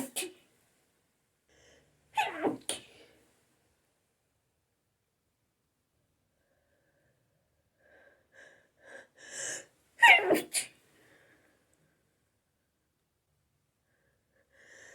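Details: Adult sneezing fit after a shower: repeated sneezes in a quiet room, with brief inhaled gasps building up before each sneeze.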